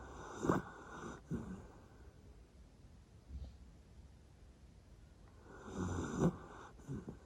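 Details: Light snoring in a sleeping Jack Russell Terrier from a household of four, tagged as older dogs: soft snorting snores with long quiet breaths between; sound may be quiet.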